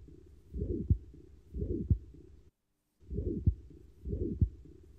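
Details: Simulated holosystolic murmur made with a stethoscope diaphragm on a hand: a steady whooshing filling each cycle, with a sharp tap, repeating about once a second.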